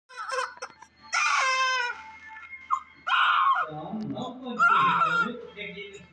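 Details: Newborn delivered by C-section with an Apgar score of 7, being cleaned with baby oil: loud, strong bursts of crying with a clear, high wailing pitch, a vigorous cry.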